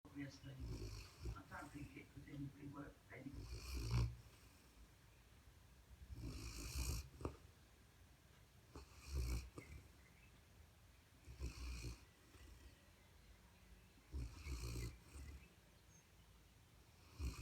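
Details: Pet described as a big snorer, asleep on his bed: low rumbling snores recurring about 11 times a minute, irregularly spaced, with quiet pauses between them; snoring during sleep.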